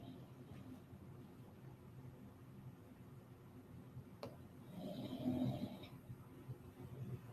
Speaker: And as you can hear, like, that's my dog snoring in the hallway. He's laying right by the office door and he snores out there, but like it's hard to not want to like fall asleep to the soothing sounds of Bulldog Ocean. It's like the tides rushing in and out, his snoring.